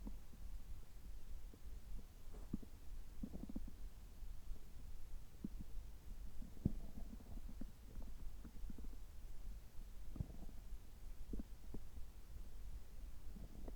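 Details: Bowel sounds while drinking water right after an upper endoscopy (gastroscopy) at a health check with normal results: low gurgles and rumbles from the abdomen, ordinary active bowel sounds.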